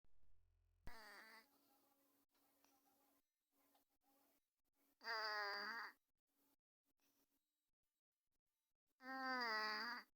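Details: Female cat, asleep and recently recovered from an upper respiratory tract issue with stuffy nose and weeping eyes, treated with nasal drops, snoring.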